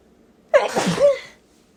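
A single forceful sneeze: a quick intake, then a loud explosive burst of air in a quiet room.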